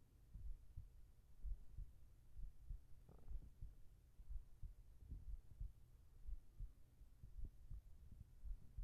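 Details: Binaural ASMR sleep audio of a heart sound while lying together: soft, low, steady thumping heartbeat at about 60 beats a minute under a faint hum; regular, calm, normal rhythm.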